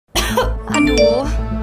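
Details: Acted adult cough burst from a 30-second TV commercial for a cough-and-flu syrup, with music playing steadily underneath.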